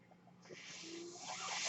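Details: Mechanical ventilator heard during the user's own speech recording: a quiet room gives way to a rising airy hiss as the ventilator delivers a breath.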